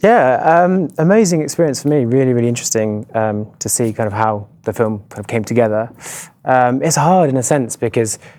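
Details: Adult male speaker; Normal speech.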